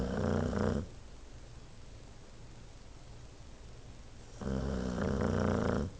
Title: Toby Snoring